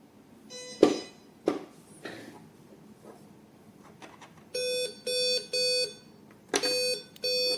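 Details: E15 multi-parameter patient monitor during repair and maintenance: handling clicks and thumps, then a run of repeating electronic alarm beeps.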